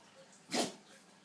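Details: A single sharp, explosive sneeze from a pug in a quiet room.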